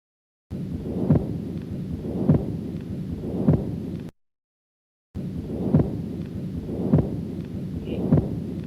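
Regular heartbeats with a continuous rumbling murmur running through each cycle, the continuous murmur of patent ductus arteriosus.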